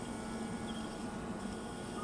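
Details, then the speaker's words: Steady low whirring of a surgical micro drill with 0.7 mm diamond dust bur cutting the posterior crus of the stapes in left primary stapes surgery for otosclerosis with severe facial nerve dehiscence. "So I'm going to use now the micro drill with the 0.7 mm diamond dust bur."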